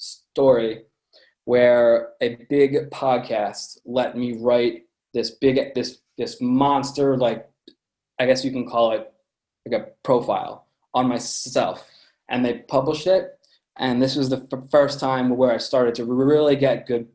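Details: Adult man with a lifelong stutter present since birth, noticeable to listeners; stuttering.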